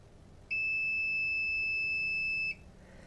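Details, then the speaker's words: DCI Edge Series 4 dental chair: holding the number one preset button to save a new operating position gives a single steady high-pitched electronic beep lasting about two seconds, confirming the saved position. "i'm just going to hold in on the number one button the chair will beep at me"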